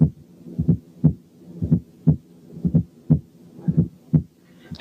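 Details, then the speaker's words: Fourth heart sound heard at the apex with the stethoscope bell: low, regular heartbeat near 60 a minute with a soft extra thud just before the first sound. "حالة 1 كانت فورس هارت ساوند."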